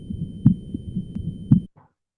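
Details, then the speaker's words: Heart sounds in which the second sound splits into two close taps ('tuk-tuk') with a slight gap as the patient breathes in; physiological splitting of the second heart sound. "तो ये जो कड़क सी आवा आती है ना ये basically दो आवाें आ रही है लेकिन थोड़ा सा गैप है इसके अंदर"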